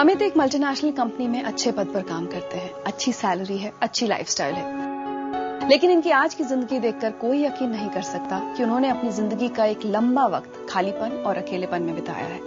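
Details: Adult female narrator speaking Hindi over background music; normal speech.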